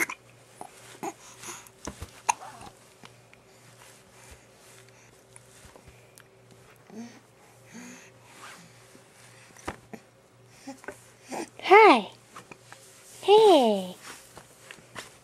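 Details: Infant a little over two months old (10th week), smiling and kicking on a changing table, with small abrupt hiccups at irregular intervals of about 38 a minute and a couple of short squeals near the end; hiccups.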